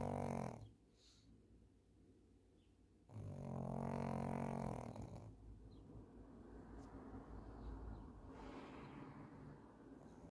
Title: She is loud ! #sleepingdogs #snoring #snoringdog